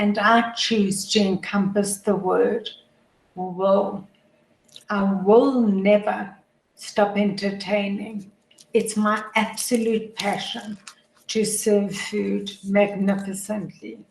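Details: Adult woman with motor neuron disease, a progressive degenerative disease whose functioning worsens daily and which she says is audible in her voice; dysarthria (motor neuron disease).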